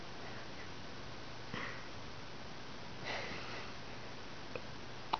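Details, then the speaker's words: Carter has hiccups that move his eyebrows: two soft, abrupt catches of breath about a second and a half apart in a quiet room. "It's like the hiccup starts here and it goes all the way up to here. It's really funny."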